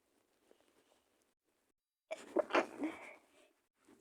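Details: Female sneezing: soft sniffs and breaths, then one forceful sneeze burst with a trailing exhale, in a quiet room.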